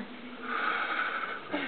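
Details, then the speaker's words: Chest physiotherapy demonstration on an adult at a massage workshop: forced exhalation while the therapist vibrates the chest, the bronchial drainage technique used to loosen secretions in babies with bronchiolitis. "C'est ce que tu fais sur les bébés quand tu veux essayer de fluidifier les sécrétions. Quand il a une bronchiolite, ouais."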